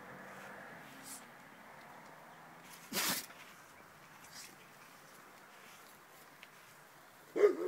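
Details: Standard Schnauzer dog that can't stop sneezing: one short, sharp nasal burst against quiet room noise, with a fainter snort near the end.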